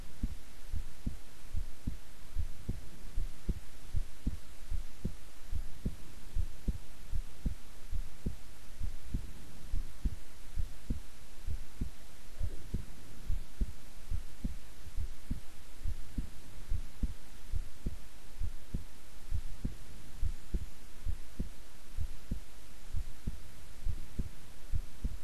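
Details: Heart sounds recorded at length while resting quietly; steady, regular low heartbeat thumps with a faint background hum: normal heart sounds.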